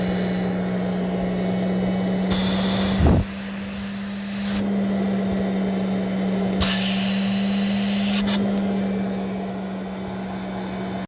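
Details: Respironics CA-3000 Cough Assist mechanical insufflation-exsufflation device running: steady mechanical hum with alternating hissing air surges as it cycles through inflation and exhalation.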